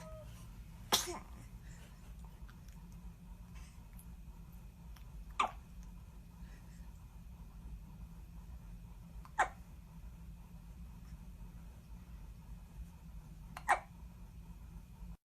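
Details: Four small, sharp sneezes or hiccup-like bursts spaced several seconds apart from a newborn baby in the NICU under monitoring, over a steady low hum.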